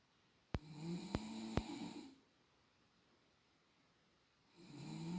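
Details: Girlfriend snoring, measured with a sound level meter, roughly an extra 10 dB: loud, rattling inspiratory snores separated by quiet pauses, a few sharp clicks near the start; ordinary sleep snoring.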